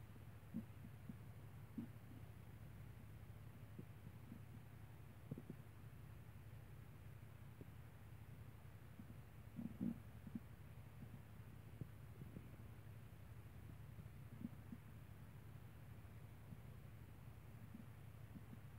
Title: My stomach at 7 AM